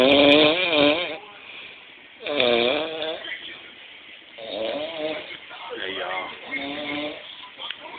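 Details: Roommate snoring: loud, rough, vibrating snores in long drawn breaths, about four in eight seconds, with quieter breathing between them.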